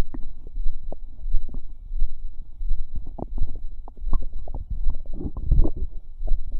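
Continuous low gurgling, bubbling and squelching stomach noises with frequent irregular pops: ordinary active bowel sounds.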